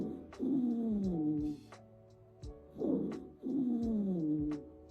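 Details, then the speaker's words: Wheezing demonstration for teaching abnormal lung sounds: continuous musical, whistling tones sliding downward in pitch with each breath, from narrowed airways. "wheezing key word here is musical it's a continuous sound produced by narrowed Airways think wheezing whistle like a musical"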